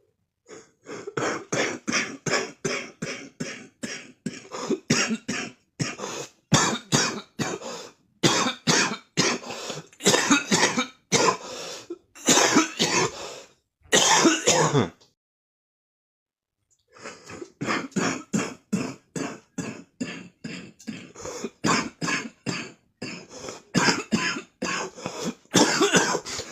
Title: Smokers cough in the morning #cough #smoker #coughing